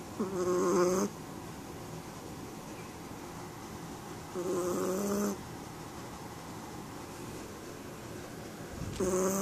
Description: Our Chihuahua snoring dressed in his onsie pyjama